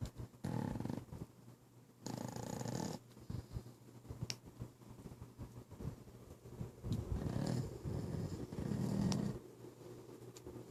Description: Pit bull Kai snoring while he sleeps